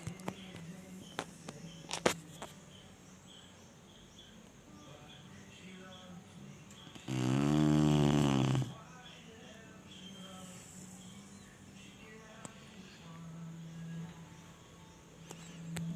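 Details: Chinese Shar-Pei dog snoring while asleep: one loud, rattling, buzzy snore on inhalation, with softer breathing and background noise around it.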